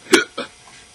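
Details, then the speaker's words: Acted hiccup in a skit about a boy with chronic hiccups: one sharp, abrupt hiccup-like gulp followed by a softer catch; simulated hiccup. "Dear Miss Sally, I'm so sick of my stupid hiccups. I wish someone would shoot me in the mouth."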